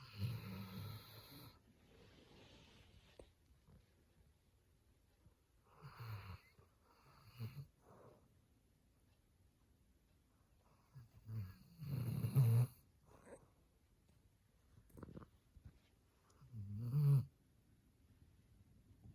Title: My dog snoring